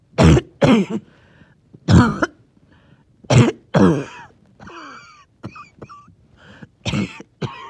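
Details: About six bursts of deep, wet coughing with faint whistling wheeze between them; wheezy, phlegmy productive cough.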